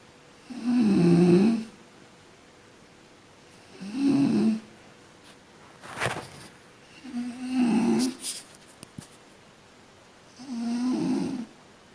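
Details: A sleeping person snoring: low, rattling snores with slow breaths about 19 a minute and quieter sounds between them.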